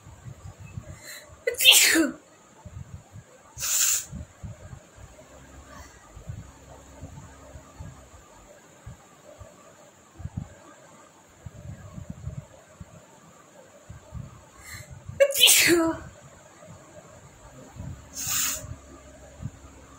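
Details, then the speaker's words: Sneezing challenge, requested with chili powder: four sharp, forceful sneezes in two close pairs, set off by tickling inside the nose, with quiet room noise and faint rustling between; repeated induced sneezing. "পরপর হচ্ছে, এরকম হলে বেশ মজাই লাগে, আমারও ভালো লাগে করতে।"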